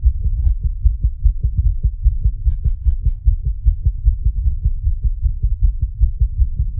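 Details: Creator's own racing heartbeat, set to a speeding-heart animation: deep, fast, pounding beats at roughly 150 a minute.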